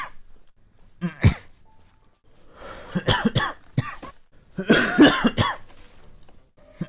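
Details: Several sharp, harsh coughs in short bursts with some throat clearing and faint talk between them, from a coughing compilation.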